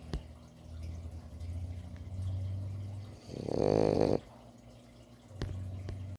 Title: frenchie pearl snoring up a storm#puppy #frenchbulldog #naptime